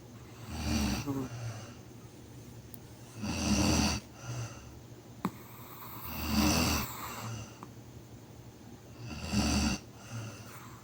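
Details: Dog, tagged chihuahua, in deep sleep: rough, rattling snores on each breath in, about four in ten seconds, with quieter breaths out between; snoring.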